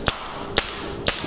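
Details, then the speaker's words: Three sharp cracking pulses about half a second apart, like a cap gun: an extracorporeal shockwave therapy device firing on the operator's own leg during a demonstration, with the frequency being changed to make it much stronger. "but if I change the frequency are gonna go to do as much much stronger the bullet is really rich hominin"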